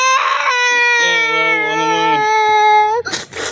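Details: Young child crying with a loud, sustained high-pitched wail after running and getting a minor injury ("booboo").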